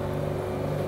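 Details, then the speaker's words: Steady low motor hum with a constant buzzing tone from a medical suction machine (aspirator) just switched on during a demonstration. "as you guys all know suction machine is a device that is used to suck out any uh substance that is stopp"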